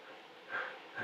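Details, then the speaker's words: A brief, noisy snort-like breath with a faint whistling edge from a dog recovering the same day from a suspected anaphylactic reaction (possible bee sting or swallowed bee), treated with Benadryl and seen by a vet. "We were on a walk and she decided to roll in the grass, and as soon as she got up, she started wheezing and sneezing."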